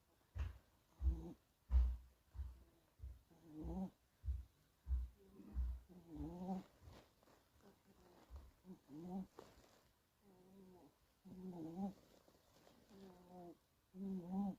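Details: Soft, irregular snuffling snores and faint squeaky breaths from a sleeping Scottish Fold kitten: light snoring during sleep.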